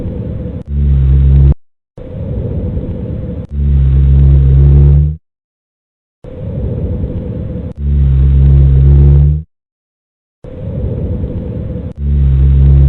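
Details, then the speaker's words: Teaching recording of rhonchi: low-pitched, snoring rumbles over about three breaths, typical of mucus in the larger airways. "You are listening to Ronka."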